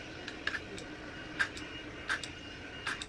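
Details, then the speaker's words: Four short, sharp spray puffs about a second apart as a 21-year-old newly diagnosed with asthma shakes and primes a new metered-dose inhaler four times before first use. "so she said for the first time just had to shake it and then just to spray it four times cuz it's the first use so I can"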